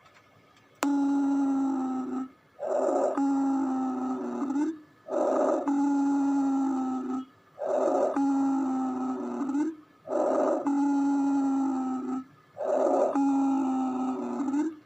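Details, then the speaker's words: Stethoscope auscultation of lungs: a steady musical whistle fills each long breath out, about 24 a minute; expiratory wheeze indicating asthma or narrowed airways. "وطبعا الصوت ده بيبقى دلالة على ان في إصابة البيشنت بالأزمة أو الربو، أو في ضيق في الممرات الهوائية،"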